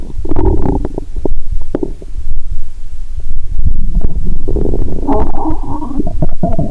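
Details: Adult lying down after drinking cola with Mentos, recorded through a stethoscope on the abdomen, heartbeat also audible: bowel sounds.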